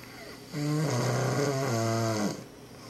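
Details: Sleeping father (Dad) recorded by his children, who says he doesn't snore: a single loud, low, buzzing voiced snore lasting almost two seconds. Snoring.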